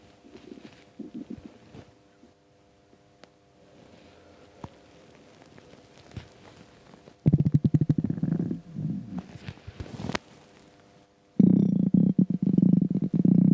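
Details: Stomach rumbling (borborygmi) on an empty stomach: low gurgling rumbles and bubbling bursts from the belly, separated by quieter stretches.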